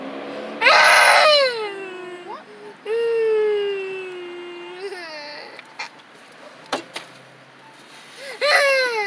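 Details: Several babies crying together in a car: loud, high-pitched infant wailing with falling pitch and pauses between bursts, in a small enclosed space.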